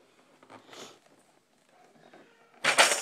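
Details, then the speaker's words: A one-year-old foster baby girl cries in the background because she did not want to lie down for her nap: faint, whiny infant wails ending in a louder, sharper burst of crying. "and you actually can hear you might be able to hear the baby crying right now she is okay she did not want to lay down for her nap even though it is time so that's what you hear in the background"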